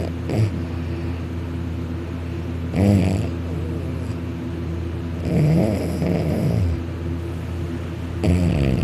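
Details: Male snoring very loudly while napping on a couch, lying on his back with his mouth open, drooling; loud rattling snores every two to three seconds, some higher pitched; heavy snoring.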